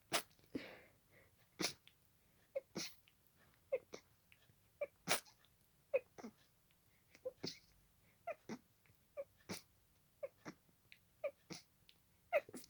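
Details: Sneezing fit that continued an earlier fit and lasted about 20 minutes at this speed: a rapid run of about 20 short, sharp sneezes in under 13 seconds, one after another without pause.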